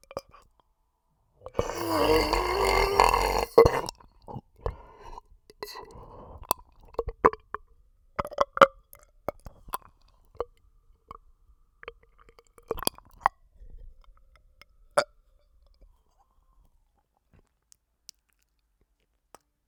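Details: A loud, drawn-out rumbling burp, then scattered soft clicks and gurgles from the stomach; stomach noises and a burp (eructation).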